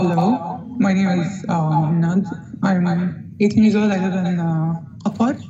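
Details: 18-year-old male, pre-treatment recording, puberphonia present for about 5 years, described as a higher-pitched, childish voice than normal for his age; puberphonia.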